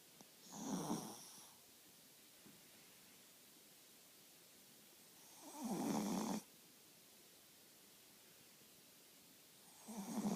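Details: Dog sleeping at night with slow, rattling snores about every five seconds and quiet pauses between breaths; regular nightly snoring.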